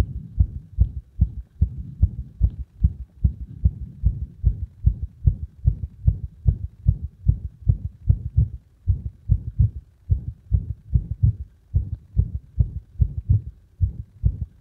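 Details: Heart sounds with arrhythmia induced by compression. Fast beats with uneven spacing between them. Irregular heartbeat.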